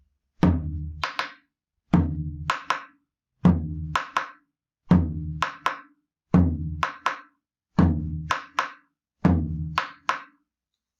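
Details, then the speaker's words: Simulated heart sounds played on a drum in a clinical semiology class: an extra soft sound after S2 in the rapid filling phase, contrasted with a split S2; third heart sound (S3) gallop. "r1 r2 del doblado la característica como ustedes ven es que es muy seguido muy seguido 1 r 2 con r 3 sonaría así"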